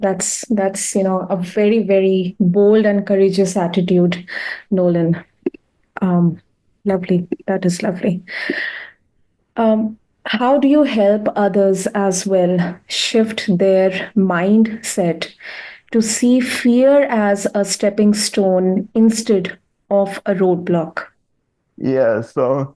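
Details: Adult woman speaking; normal speech.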